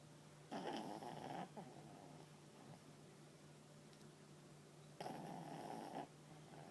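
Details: Chubby papillon dog asleep on owner's lap snoring: rough, buzzing inspiratory snores, two clear snores a few seconds apart over quiet room noise.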